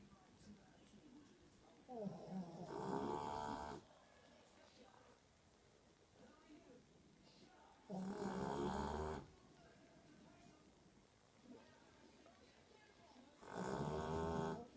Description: Our dog daisy is so loud when she snores lol